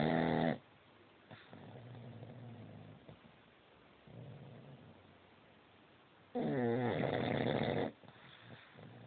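Two loud, rough, rattling snores on the in-breath, separated by quieter breathing; heavy snoring.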